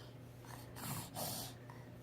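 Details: Two noisy, hissing nasal bursts over steady background noise, like a small sneeze or snort; sneeze.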